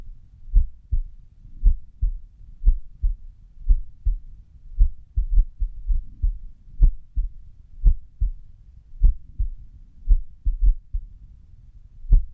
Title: 安静時の不整脈心音 -Resting irregular heartbeat sound-